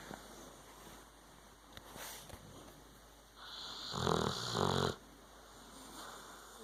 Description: If you own a pit bull then u know all about there snoring!!